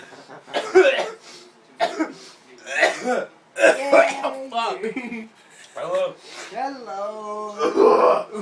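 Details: Coughing that breaks in while the person is trying to talk.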